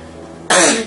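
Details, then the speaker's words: 12-year-old boy with Tourette syndrome whose tics are mainly vocal, with painful throat friction causing hoarseness: a single abrupt, harsh throat-clearing vocal tic after quiet room noise. "אצלי זה בא על ידי ביטוי בקולות יש חלק מתנועות או קולות שבאמת מכאיבים גם שם מציקים יש חיכוך בגרון שזה באמת כואב אחר כך גם גורם לצרידות"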